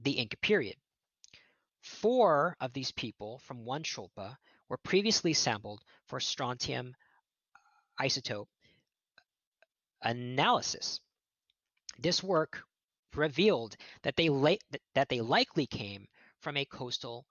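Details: Adult male archaeologist who says he stutters, giving a lecture; word repetitions in this stretch; stuttering.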